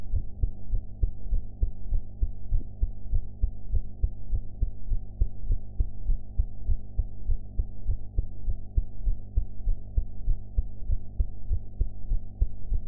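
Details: Heart sounds recorded after eating, sound quality enhanced; steady, regular heartbeat of soft thumps at about 100 a minute over a low hum, ordinary heart sounds.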